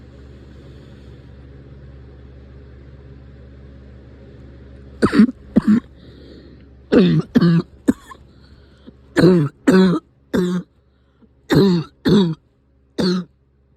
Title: Cough is back